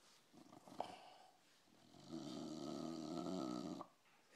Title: Snoring dog